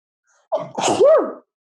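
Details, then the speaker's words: Single adult sneeze in a quiet room, from a seasonal spring allergy sufferer: a brief sharp intake, then an explosive voiced burst with a falling tone. "exactly exactly i'm going to sneeze sorry i know it's a podcast"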